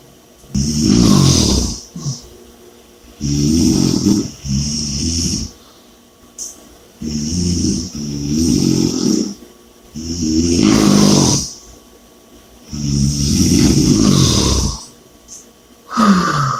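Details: Loud rattling snores on each in-breath, about seven breaths across the stretch, with heavy noisy out-breaths between them; snoring and heavy breathing.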